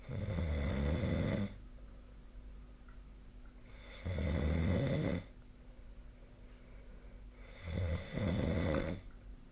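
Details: Sleep snoring recorded on 2025/03/03; loud, rattling snores on each breath in, about 16 a minute, with quiet breathing out between.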